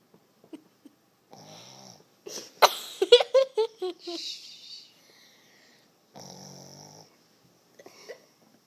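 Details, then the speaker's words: Sleeping dog snoring: quiet rattling snores between breaths, with a brief burst of snorting and squeaky grumbles in a small room. "He's sleeping. He's snoring."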